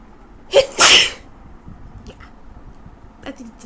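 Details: Person with a bad cold and blocked nose, unable to breathe through the nose, at 3 a.m.: one sharp sneeze after a short in-breath, then quiet.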